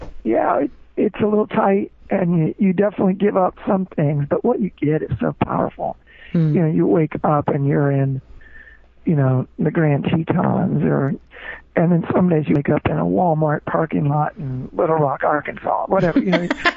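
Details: Man, former rock band lead singer, diagnosed with spasmodic dysphonia (involuntary spasms of the muscles around the larynx) that left him unable to sing; spasmodic dysphonia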